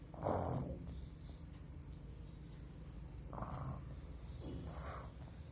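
Low, rumbling snort-like snores at irregular intervals, made by a child acting out snoring rather than true sleep snoring.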